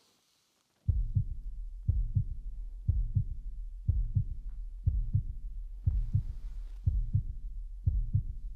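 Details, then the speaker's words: Routine cardiovascular check-up of a healthy adult woman who does a lot of sports and reported occasional irregular heartbeats; stethoscope auscultation of the heart, repeated after listening in three positions: normal heart sounds. "okay and now I'm going to listen to your heart one more time"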